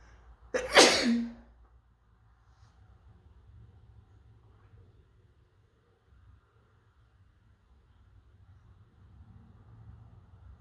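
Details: Single sneeze from a person who may be coming down with something: one loud, sudden explosive burst followed by quiet room noise.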